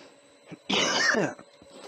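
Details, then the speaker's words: Adult woodturner coughing from dust while turning an acacia bowl without a mask: one harsh, strong reflex cough burst with faint room noise and a hum. "Now this is quite dusty, so I'm gonna put that. I'm gonna put my mask on again because this is quite dusty. It's making me cough and sneeze."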